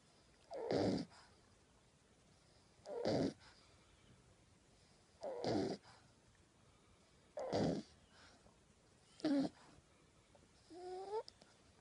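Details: A 10-week-old French Bulldog puppy asleep with its tongue sticking out and wiggling. Short, harsh snores about every two seconds, six in all: ordinary puppy snoring.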